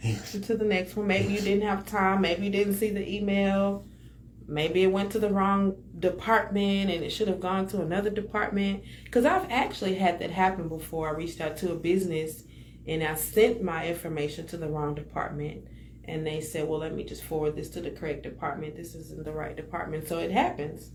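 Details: Adult speaker; normal speech.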